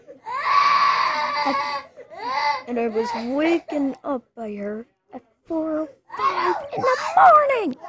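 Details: A young girl with an ear infection cries from ear pain in loud, drawn-out wails broken by sobbing breaths and whimpers.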